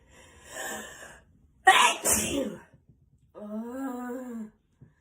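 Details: Acted (simulated) sneezing: a breathy wind-up, then two sharp, explosive sneezes in quick succession and a brief voiced sound.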